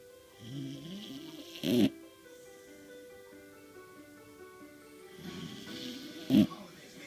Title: Bailey the corgi snoring